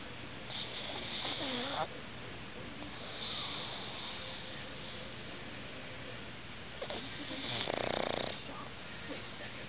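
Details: Light snoring recorded right at the listener's ear: soft, rough breathing on a few breaths, each with a faint fluttering rattle, over steady room hiss.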